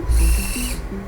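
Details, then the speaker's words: Brief high whirring of a surgical drill, pitch dropping as it bites into tough bone to place the first of two fixation screws during bunion correction in a 35-year-old woman after failed prior surgeries. "I'm gonna put two screws in this one. It's very tough to drill through this bone."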